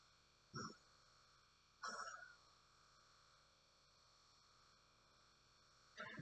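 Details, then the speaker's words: Aeroeclipse breath-actuated small volume nebulizer with aerosol mask on continuous setting, giving albuterol to an adult patient with breathing difficulty: faint irregular sputtering bursts over a steady hum as the last drops run out near the end of treatment. "starting to kind of get towards the end you can kind of hear it starting to make that sputter noise here knock down those last couple drops for you"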